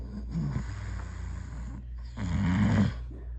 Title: my fathers loud snores